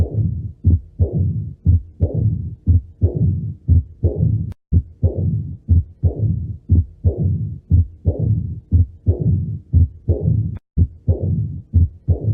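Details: Cardiac auscultation teaching recording of mitral stenosis: regular heartbeat about 59 per minute with low-pitched rumbling murmur filling the gaps between beats.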